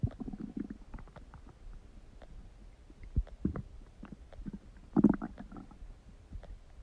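Low gurgling and bubbling rumbles with scattered pops, typical stomach rumbling.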